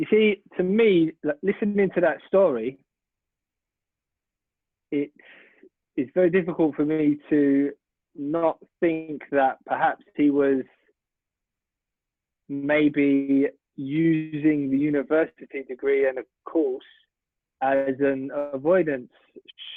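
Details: Adult man speaking; stuttering.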